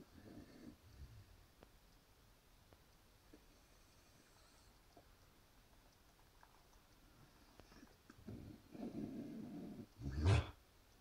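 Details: Dog coughing: a few low huffing bursts ending in one sharp, harsh cough, recorded for the vet.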